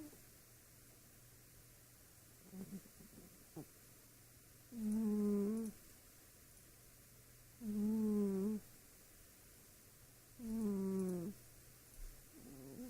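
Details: A sleeping pet cat in a quiet room gives three even, buzzing snores about every three seconds, near 21 a minute: harmless snoring.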